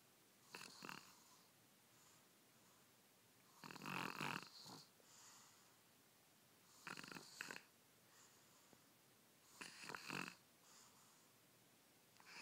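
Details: Baby snoring: four rough, rattling snores about three seconds apart, with soft quiet breaths between them.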